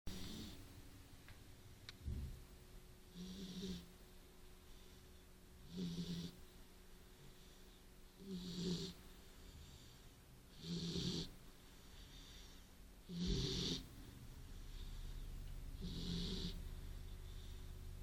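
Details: Beagle sleeping after a good walk snores rhythmically, about 24 breaths a minute, with soft rumbling and hissing sounds.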